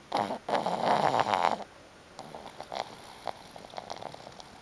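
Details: Black pug sleeping: loud rattling, snorting breath noise, then quieter snuffles; snoring in a flat-faced dog.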